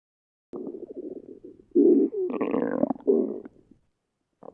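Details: Woman's stomach growling: gurgling, squeaky rumbles rising and falling in pitch over a few seconds; stomach growling (borborygmi).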